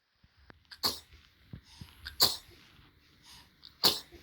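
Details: 3-month-old baby sneezing: three short, sharp, breathy bursts about 1.5 seconds apart with soft breathing between; normal infant sneezes.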